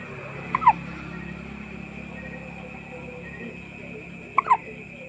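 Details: Hiccups: two sharp, brief hiccups about four seconds apart over a steady background hum.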